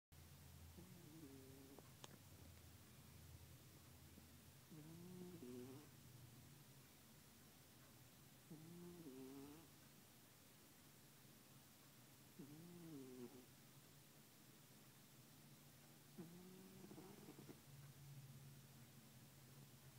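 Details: Calico cat sleeping beside another cat, snoring: soft, regular snores with whistly, rising and falling tones on each breath, about 14 breaths a minute, over a steady background hum; snoring.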